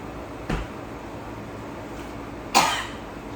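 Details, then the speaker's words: Two separate dry cough bursts, the second louder, in a quiet room, in an adult eating Takis-spiced fast food; brief irritant cough as the spice hits the back of the throat. "You know when you initiate or you first eat a Taki and that spice hit the back of your throat?"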